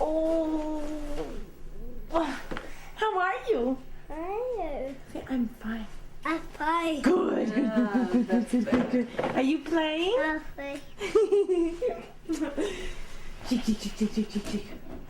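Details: Echolalia in a toddler with autism, interacting with an adult.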